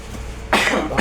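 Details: A single loud, harsh cough burst after quiet room noise, from a 36-year-old man with a month-long cough, non-yellow phlegm, 3 kg weight loss and poor appetite; TB suspected over pneumonia; chronic cough.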